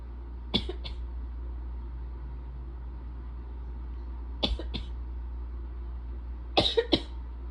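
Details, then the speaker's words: Three short bouts of quick double dry coughs, described as dumb wimpy coughs from throat irritation, on day 1 of a cold, over a steady low hum. "And they're just kind of like making me want to cough, you know? Like choking me a little bit."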